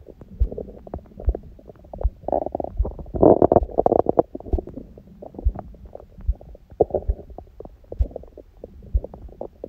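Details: Bowel sounds after a large first meal of the day at 16:00 following fasting since 19:00 the previous day, and after abdominal workout; irregular gurgles, rumbles, pops, louder bursts; heartbeat prominent early.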